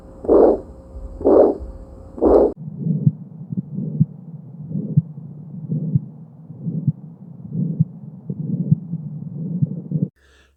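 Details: Adult bovine heart auscultated by stethoscope at the fifth intercostal space (tricuspid area): regular low beats about 64 per minute, within the 40–80 adult range, no added sounds; normal heart sounds.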